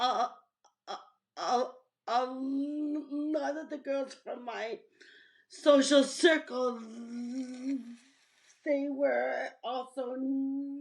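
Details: Adult woman who stutters, with audible blocks and fillers in her speech; stuttering.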